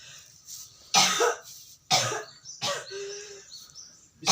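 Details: Cough lasting 6 months without healing: three harsh, explosive coughs with throat-clearing in a quiet room; chronic cough.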